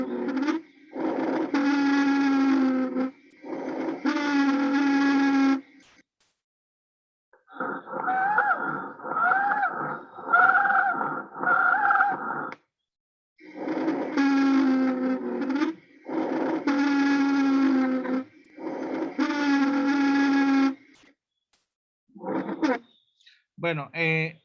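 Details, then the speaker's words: Teaching example of stridor: loud, high-pitched, harsh musical sounds with each breath, caused by obstruction making airflow turbulent. "algo está obstruyendo y hace que el aire que pasa hacia los pulmones y sale de los pulmones salga en turbulencia sin sal en un aire en forma de turbulencia y eso lo que genera ese sonido estridor"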